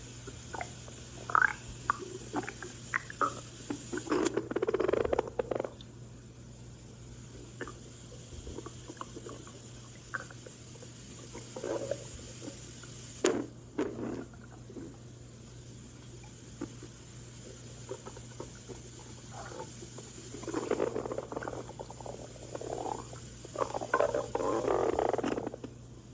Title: Me stomach growling